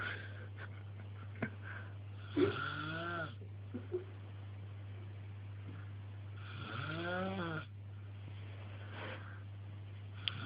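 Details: Snoring during sleep: two long, drawn-out snores with a whistling, tonal edge over a steady electrical hum.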